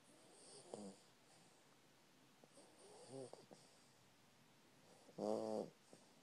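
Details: South African Boerboel puppy snoring: quiet room with three soft snoring breaths a few seconds apart, the last louder and buzzing.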